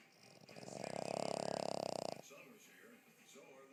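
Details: Snoring: one loud, fluttering snore with rapid vibration, then quieter breathing; recorded on iPhone.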